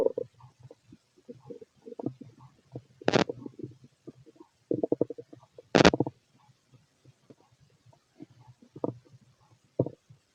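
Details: Fit adult male's stomach noise; irregular gurgling and bubbling bursts with a few louder squelching gushes over a quiet background; ordinary bowel sounds, borborygmi.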